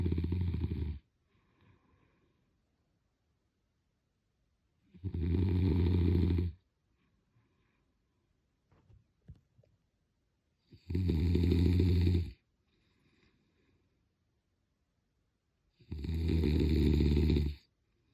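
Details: Loud, low rattling snores on each breath in, about 11 a minute, with quiet breathing between them: ordinary snoring during sleep.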